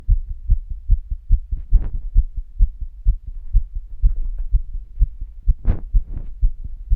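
Steady low thumping heartbeat, fast at around 120 to 130 beats a minute, with some rubbing noise; a quickened heartbeat from exertion.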